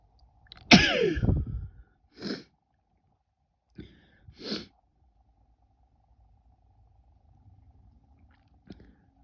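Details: Female: one loud explosive sneeze followed by a second, softer one and quiet sniffs; two sneezes.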